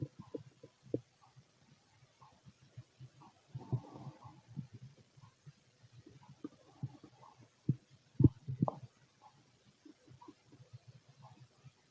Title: Empty stomach noises and heartbeat